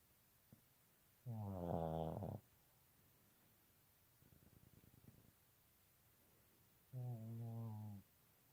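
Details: While sleeping: two loud, drawn-out buzzing snores with a softer breath between them, in a quiet room: snoring.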